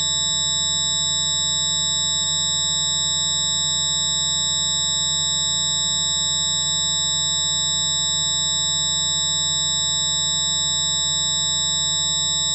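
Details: A tinnitus sufferer's approximation of their own constant tinnitus, described as a jet engine in the left, right or both ears: loud, unbroken layered ringing and buzzing tones with a low hum, a simulation.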